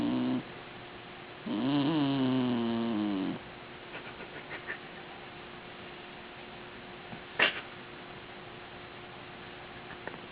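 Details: A puppy sleeping in the owner's arms gives a single drawn-out, rumbling snore, then quiet breathing with small snuffles; ordinary sleep snoring.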